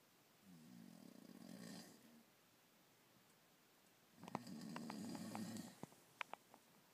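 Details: Person snoring: two loud, low, fluttering snores, the second longer and rougher, separated by a quiet pause, with faint clicks at the end; snoring.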